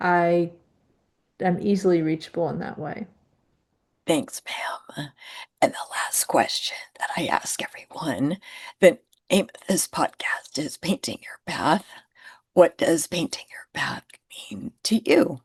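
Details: Adult woman with spasmodic dysphonia, who identifies with the spasmodic dysphonia community and finds phone calls challenging because people often cannot understand her; spasmodic dysphonia.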